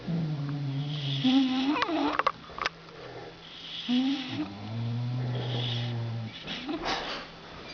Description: aww...sleeping beauty bulldog and her ridiculous snores...so cute